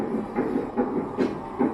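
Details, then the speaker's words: Fetal heartbeat heard on Doppler ultrasound at a pregnant woman's second gynecologist visit: quick, regular whooshing pulses, a normal finding. "wow so that was very special to hear the heartbeats like that was like holy moly manner of god feels more real yeah there's a human"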